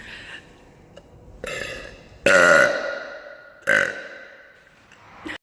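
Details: Woman burping alone in an empty girls' bathroom at a concert: three loud, drawn-out voiced belches echoing in a tiled room; ordinary burping.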